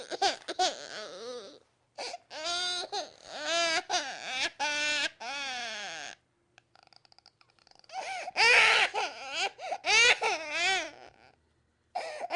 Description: These crying baby sounds will either motivate you to not have kids, remind you what it was like to have a crying baby around or simply rock you to sleep because you are so use to the sound.